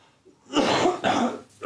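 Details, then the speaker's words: Adult patient at a GP clinic, also treated for shingles, reports coughing up white phlegm and asks whether it is a chest infection: two harsh, loose productive cough bursts. "also since I read this I've been coughing up a lot of flame as you can hear yeah is that a chest infection"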